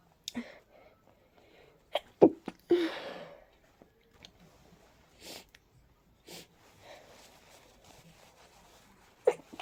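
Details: Several sharp sneezes with quick breaths between, some louder bursts among quieter ones, in a quiet room, from a person with a stuffy, sensitive nose during a cold; sneezing fit.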